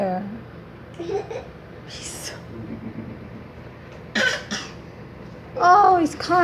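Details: A child gives a few short, light, deliberate fake cough bursts mixed with voiced sounds in a quiet room.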